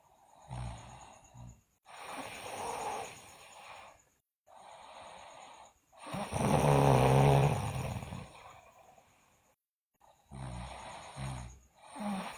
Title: Sleeping Girl Loudly Snore